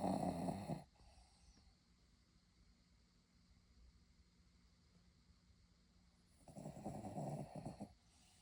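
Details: Two loud, rough, rattling snores about six seconds apart, with quiet breathing between; described as a ridiculous amount of snoring.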